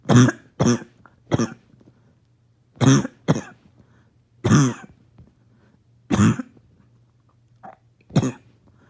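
Eight harsh, abrupt coughs in loose clusters, about 37 a minute, with a hoarse barking quality; barking cough.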